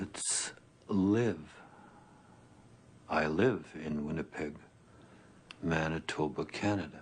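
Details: Man who has stuttered since he began speaking, with repetitions and broken phrases; stuttering.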